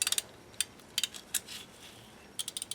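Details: Bursts of sharp ratcheting clicks from a ratchet driver tightening a Zest SATURNO narrow diameter implant into an upper maxillary arch, lining up the 4 mm mark until fully snug and parallel with the other implants.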